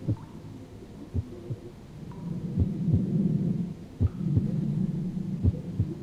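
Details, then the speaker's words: Stethoscope on a simulated adult patient in virtual reality: slow, regular paired heart sounds at about 42 beats a minute; bradycardia. "i can hear that heart clearly what's the first thing you notice about listening to this heart tone that is slow af my friend we need to get you treated"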